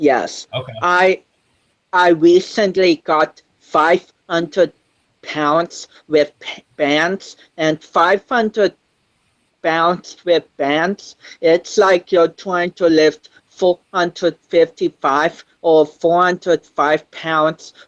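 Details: 25-year-old man with cerebral palsy since birth, which he says affects his balance, coordination and speech; doctors said he would never walk, and he is now a powerlifter; dysarthria associated with cerebral palsy.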